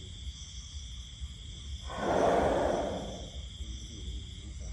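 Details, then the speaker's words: Snoring of a sleeping bull white elephant in Thailand: one long, deep, rumbling breath sound over steady outdoor noise. "ครับทั้งผสมครับและนี่ก็คือเสียงนอนกรนของพ่อภัยเอกชัยที่ผมนำมาฝากท่านผู้ชมในวันนี้"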